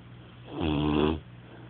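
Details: Sleeping snorer: a single rough, buzzing breath lasting about half a second, rising and fading against quiet room noise.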